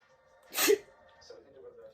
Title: Fake sneeze with flour cloud prank | #funny #prankshorts |